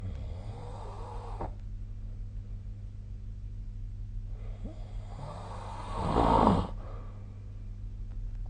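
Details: Person snoring during sleep, recorded with a snore-tracking phone app: two slow, rough breaths, the second louder and rattling on the in-breath, over a steady low room hum.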